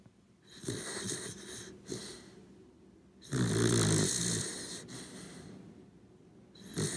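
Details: Corgi dog snoring while asleep, recorded as a one-hour ASMR video.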